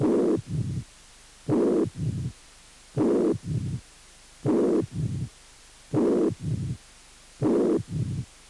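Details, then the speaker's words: Mitral regurgitation: pansystolic murmur, third heart sound and short low diastolic rumble; slow repeating heart-cycle imitation. "insuficiencia mitral con soplo punk sistólico tercer ruido y retumbo"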